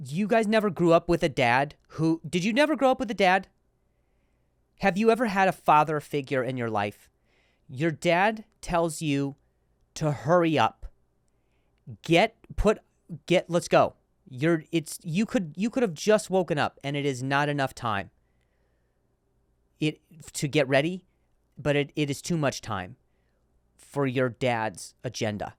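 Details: Adult male comedian and podcast host who stutters, in real speech with word and phrase repetitions: stuttering.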